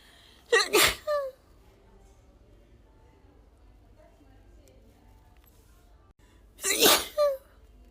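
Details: Woman with tickly allergy sneezes, edited loop: two forceful sneezes with a short voiced tail, several seconds apart, in a quiet room; repeated allergy sneezing.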